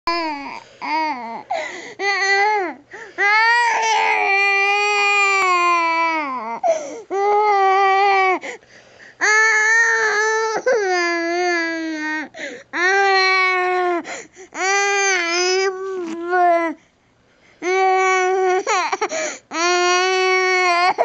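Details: Infant crying with tummy discomfort: repeated loud, sustained wails with brief gasping pauses, a distressed cry.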